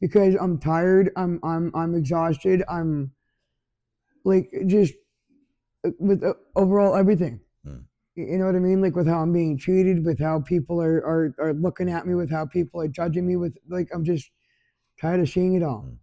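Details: Adult who stutters and describes himself as an extremely anxious person; stuttering.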